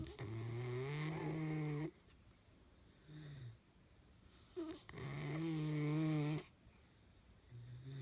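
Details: 12-week-old Newfoundland puppy asleep in a kayak: long, low, droning snores with each breath, separated by softer breathing, about 13 breaths a minute; ordinary snoring.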